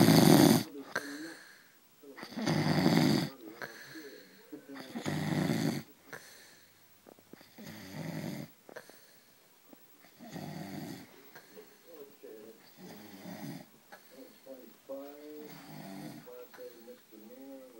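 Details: Loud rattling snores on each inhalation alternating with softer whistling, fluttering exhalations, about seven cycles in eighteen seconds; snoring.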